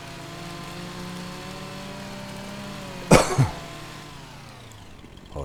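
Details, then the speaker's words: Adult gives two quick cough bursts during game commentary over game engine hum, then apologizes for the cough; cough. "Apologies for the cough, if you can still hear that."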